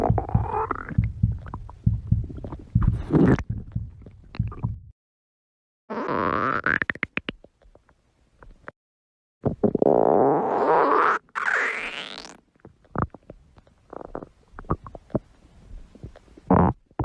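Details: Loud gurgling stomach growls with rising squeaky sweeps and bubbly pops; normal bowel sounds, borborygmi (stomach growling).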